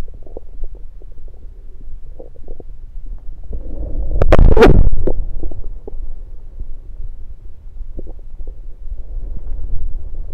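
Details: Bowel sounds heard through a stethoscope placed around the belly: soft low gurgles and rumbles with one louder gurgling burst midway.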